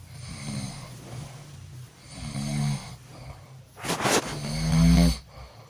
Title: suara ngorok | suara mendengkur